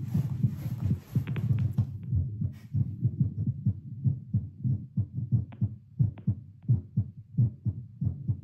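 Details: Adult's seated baseline heartbeat through a Littmann CORE stethoscope, arm held up, pulse oximeter around 88–96 bpm before 10 squats; early rustling then regular low thumps about 90 a minute, normal heart sounds.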